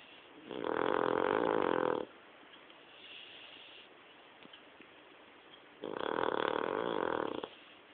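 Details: Pet dog snoring: two loud, rough snores about four seconds apart, each lasting over a second, with quiet breathing between.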